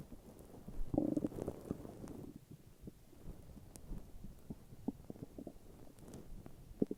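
Gurgling, rumbling bowel sounds with a longer growl early, then scattered short gurgles; normal stomach growling.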